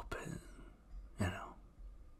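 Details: Two short, low, muffled coughs with throat clearing from a sick man whose fever has gone but whose throat and body still hurt; recorded during an ASMR roleplay.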